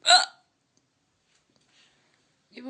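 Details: Latina woman with persistent hiccups lasting about half an hour despite tried remedies (water, holding breath, being startled, massage): one short, sharp hiccup, then near silence and a voice starting.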